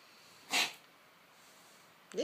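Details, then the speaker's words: Male cat on daily antibiotics for about 3 months, episodes 1-3 times a day, sometimes followed by gobs of snot: a single sharp, hissing expulsive burst, then another; owner unsure whether cough or reverse sneeze. "usually he gets this a lot harder and more Fierce like faster and then but it only last like 10 seconds I could never get it on camera"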